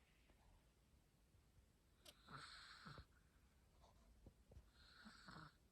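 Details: Sleeping dog that wakes to play afterwards: soft, whistling snores with faint snorts against quiet room noise; dog snoring.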